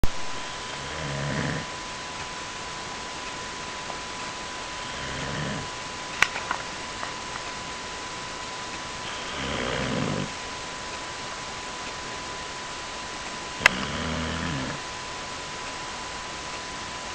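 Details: Dog snoring: soft, rough snoring breaths about every four seconds over a steady background hum, with a couple of faint clicks.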